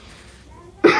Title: Unique Cough